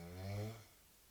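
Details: Severe snoring of a sleeping young woman, continuing even with the room light switched on: a single deep, rumbling inhalation with a rattling buzz.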